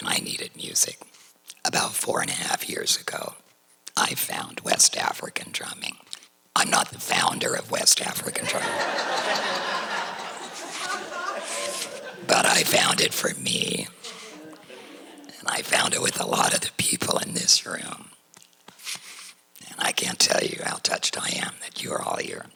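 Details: Woman, diagnosed at 55 with chondrosarcoma of the cricoid cartilage, speaking after total laryngectomy via a tracheoesophageal voice prosthesis with a neck stoma; voice described as rough and low with little pitch range; tracheoesophageal speech after total laryngectomy.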